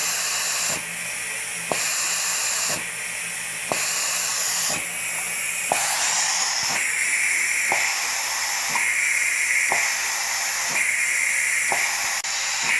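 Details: Homemade DIY Arduino-controlled ventilator prototype, first revision, set to its fastest rate: alternating pressure-inhale and vacuum-exhale hissing with sharp valve clicks about once a second; ventilator cycling.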